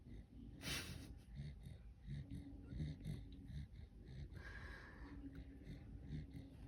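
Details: Tedi sleeping with legs up, possibly eyes open: quiet, irregular snuffling and snorting breaths, roughly 40 a minute, with faint nasal rattle during sleep; snorting.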